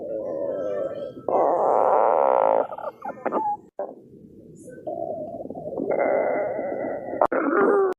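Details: Long, shifting whine-like rumbles and gurgles from the belly with brief pauses between: stomach growling (borborygmi), a normal gut sound.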